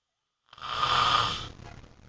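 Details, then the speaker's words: Adult male (husband) snoring: a single harsh, hissing breath lasting about a second. "you snore. Love, you're snoring."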